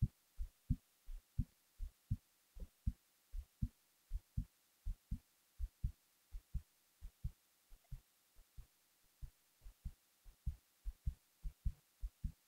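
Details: Heartbeat recorded while falling asleep: low, regular paired thumps at roughly 70 beats a minute, a normal resting heartbeat.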